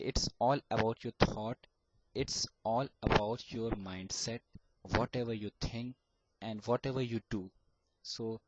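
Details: Adult male student who has stammered since age 5 and still stammers: stuttering.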